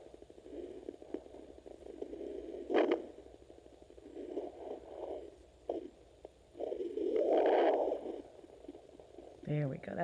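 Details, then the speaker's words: Handheld Doppler on the abdomen of a dog 60 days pregnant with 7 puppies: rapid whooshing pulses of about 175 a minute from a puppy's heartbeat; fetal heartbeat on Doppler. "That's a puppy heartbeat. Can you hear it? And Jazzy has 7 puppies in her."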